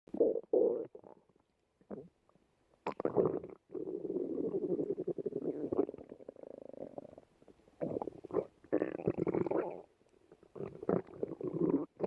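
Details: Irregular gurgling and rumbling bursts from the abdomen: stomach growling, bowel sounds (borborygmi).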